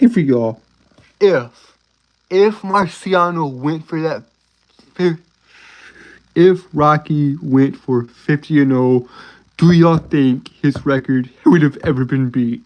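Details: Male speaker with a self-reported, uncontrollable speech impediment, worse on s-initial words and when excited; stuttering.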